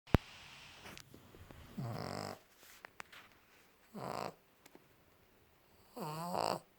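Short, snorting, fluttering snores come roughly every two seconds with quiet gaps between: a small flat-faced dog snoring in its sleep.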